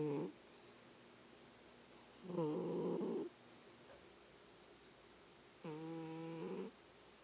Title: My cat Hermit Crab SNORING!